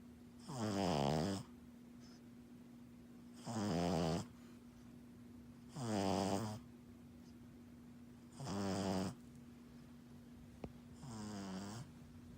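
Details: Pug puppy asleep after a busy morning of play: regular rattling snores, about 23 a minute, over a steady low hum; snoring in a flat-faced puppy.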